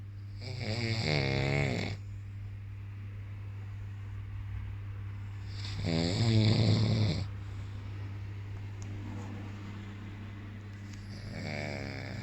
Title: LOUDEST SNORING OF THE WORLD GUINNESS RECORD